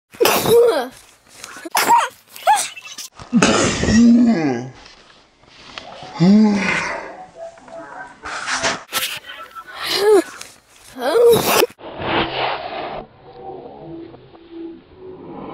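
A run of repeated sharp, explosive bursts, some with a voiced 'achoo' quality, fitting a series of sneezes.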